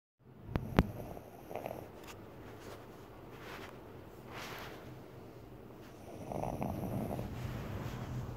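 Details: A person snoring: low, rumbling snoring breaths a few seconds apart over steady room noise, after a couple of sharp bumps at the start.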